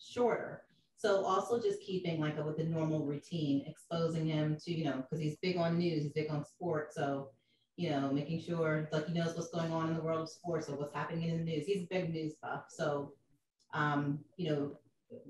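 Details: Adult woman; normal speech.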